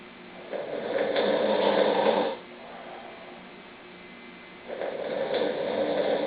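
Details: Snoring: two loud, rough, rattling breaths about four seconds apart with a quiet pause between.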